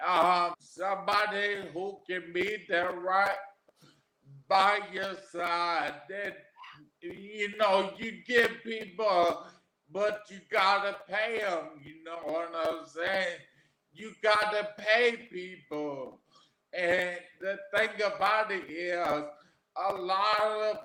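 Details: Adult man with aphasia after three strokes; real patient, stroke survivor; aphasia.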